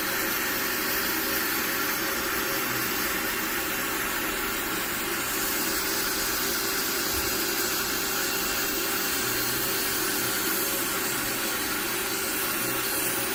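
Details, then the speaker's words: Podiatrist grinding down thick, uneven calluses on the bottom of an adult male veteran's foot, who also has suspected nail fungus: steady, loud, hissing rotary grinder motor whir without a break. "i'm just gonna grind it down though a little bit more work to do here just going to flatten out the uh"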